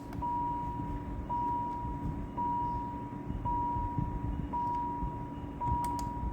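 Steady repeating electronic alarm tone, about one beep a second, over low room and machine noise; an intensive care equipment alarm.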